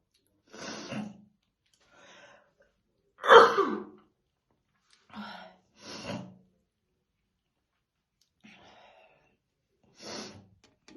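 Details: Woman's real, unacted smoker's morning cough while slowly brushing her hair: repeated deep, harsh coughs, one loud and forceful, with quieter throaty coughs and breaths between.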